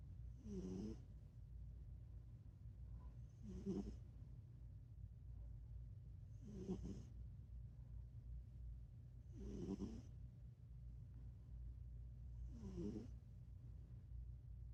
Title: #snoring cat cute funny#ねこ いびき カワイイ♥️